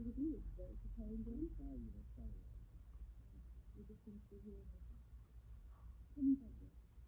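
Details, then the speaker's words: Simulated severe hearing loss in both ears of a student, conversation heard without her hearing aids: faint, muffled speech with high sounds stripped away and words unintelligible. "all right I don't know if you can even hear that at all but if you could hear it at all you probably could not make out any of the words"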